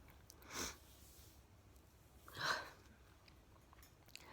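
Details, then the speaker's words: Man in a sneezing fit he says he cannot stop, hurting his throat; two short, sharp bursts about two seconds apart in a quiet room, sounding snotty though he says he is not: sneezing. "the thing i think the funny thing is when i'm sneezing i'm not really snotty it just it sounds like i am"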